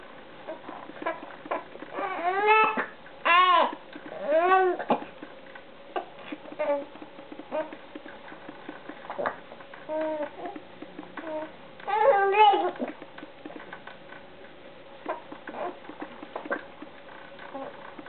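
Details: Infant with hiccups trying to talk in the morning: short bursts of fussy crying with brief whimpers and babbling sounds between them, in a quiet room.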